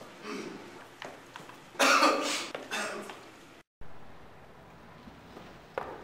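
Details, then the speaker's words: Acted cough in a student skit: a burst of several harsh coughs amid room noise, portraying tuberculosis with two days of coughing, chest pain, trouble breathing and wheezing; simulated. "I've been coughing for the past two days my chest is in a lot of pain I'm having trouble breathing I've been wheezing forever and I don't know what is wrong with me"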